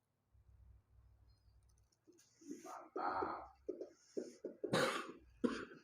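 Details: Man with cough and runny nose (flu) during a spice-smoke nano-particle therapy session: quiet breathing, then a run of several loose coughs and throat clearing with some harsh bursts; repeated cough.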